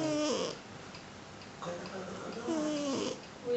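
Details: Sleeping cat snoring loudly like a person, two breath cycles, each a whistling, tonal snore with gliding pitch, in a quiet room.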